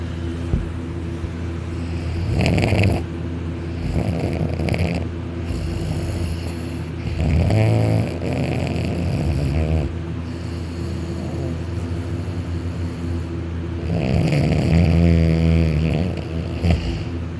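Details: Dakota napping on couch on his back, arm over head, mouth open, drooling: loud rumbling snores with higher-pitched rattling phases over steady low hum; snoring louder while supine, couch vibrating.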